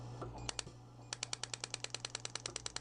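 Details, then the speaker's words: Radial shockwave therapy device driven by compressed air, wand on gelled skin, started after air compressor kicks on: loud steady rapid clicking pulses, about eight per second, over low compressor hum, while searching for painful areas. "and you're going to hit the start button and you'll hear the Machine it's rather loud"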